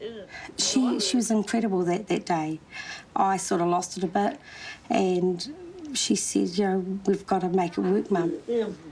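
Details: Adult woman speaking; normal speech.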